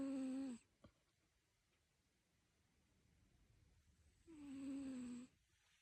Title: Snoring Cat #volumeup #shorts